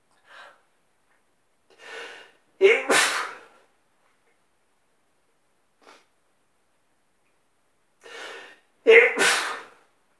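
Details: Wet sneezing in bed in the morning: two wet, explosive sneezes in a quiet room, each preceded by short catching inhalations.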